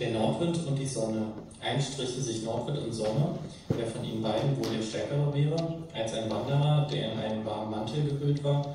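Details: 21-year-old transgender woman before glottoplasty, with no intervention yet, reading a German passage at a preoperative assessment; masculine-range voice before voice feminization.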